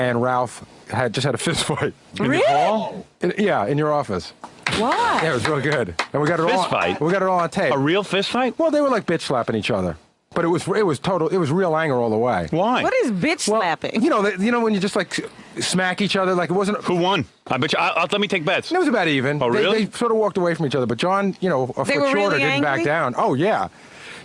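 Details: Adult male speakers in radio studio conversation; ordinary conversational speech.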